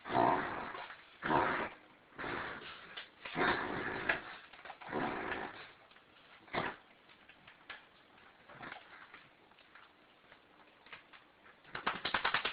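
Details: A dog reverse sneezing, with a run of loud, harsh snorting breaths in quick succession.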